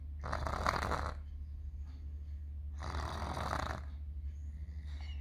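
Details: A toddler with a cold snoring loudly while asleep: two rough, harsh snoring breaths about three seconds apart over a steady low hum.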